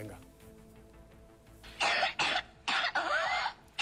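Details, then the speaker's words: Whooping cough (pertussis) paroxysm: five or six harsh coughs in close succession with a drawn, tonal inspiratory whoop among them. "parece fijaos que que lo llamativo no es tanto la tos que suena más o menos normal como que hay cinco o seis toses muy seguida y el ruidito digamos ese gallo que se llama que se describe Así que es de la respiración"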